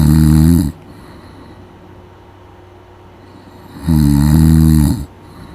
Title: My best friend snoring#lcvopm#youtubechannel#shortsvideo